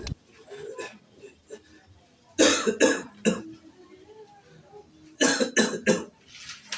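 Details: Acted coughing by an adult man playing a 70-year-old: two clusters of harsh, wet-sounding coughs with quiet gaps; cough.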